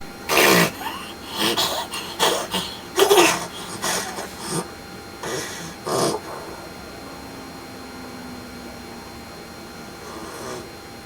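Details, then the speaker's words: Person with severe obstructive sleep apnea syndrome, choking repeatedly during sleep at the lower throat, with irregular loud gasping, choking snorts, then a long quiet gap. "videosunu izlediğiniz kişide ağır uyku apne sendromu var kişi uyku esnasında sık sık kendisini boğar özellikle boğulma şu bölgede yani boğazın alt kısımlarında meydana gelir"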